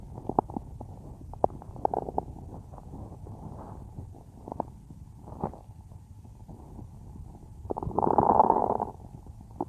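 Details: Woman's own stomach growling: irregular gurgling and bubbling bowel sounds with a louder rumbling gurgle near the end; ordinary stomach growling (borborygmi).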